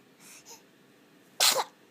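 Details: Eight-week-old baby boy described as a frequent sneezer: soft infant breathing, then one quick, high-pitched sneeze with a sharp burst of air; sneezing.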